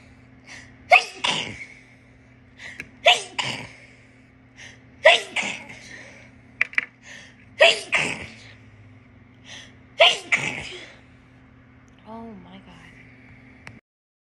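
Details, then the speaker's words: Girl sneezing: five sneezes in a row, each with a quick indrawn breath before the burst, in a quiet room with a steady hum. "I finally caught it on camera can feel them coming thanks oh my God it only cut off because there's plucking snot I tried to just let them flow"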